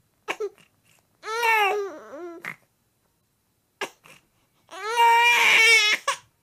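Two drawn-out whiny wails with short fussy sounds between, quiet room: an infant's whining cry.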